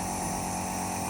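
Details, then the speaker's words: Otica ONEB-11 compressor nebulizer running with mouthpiece attached and adjustable mist output turned down and up: steady loud mechanical hum and buzz; compressor nebulizer running. "you can see a very fine foam fuels are coming from this and you can adjust the fuel from this above adjustable sensor you see the intensity will reduce and it will increase"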